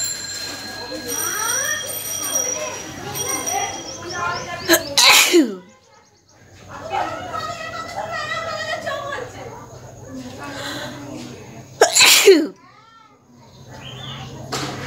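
Two forceful sneezes with sharp bursts of air, separated by nose-blowing and snuffling, over faint background music.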